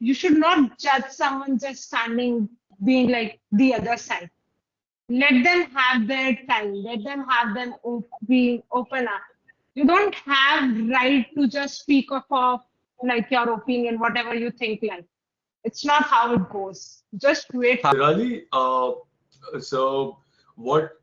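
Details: Adult woman speaking; typical speech.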